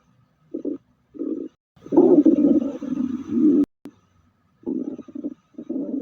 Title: Stomach growl✅✅